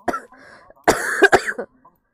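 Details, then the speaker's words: Woman with a bad common cold, sore throat and lost voice: two short, harsh cough bursts with a throat-clearing quality. "감기가 아주 세게 걸려가지고 기침소리 많이 드리고요"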